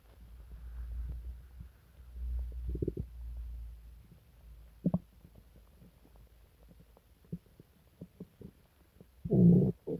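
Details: Person sick for several days with stomach pain, diarrhea and nausea: low, deep gurgling growls and irregular bubbling pops from an active stomach, loud borborygmi.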